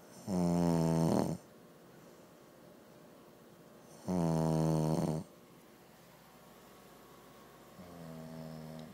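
Loud, rattling snores on breathing in, about one every four seconds, with quiet breathing between; the third is softer.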